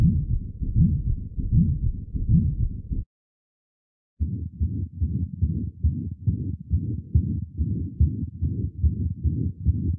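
Low heart sounds with a harsh murmur filling each beat, typical of a perimembranous ventricular septal defect.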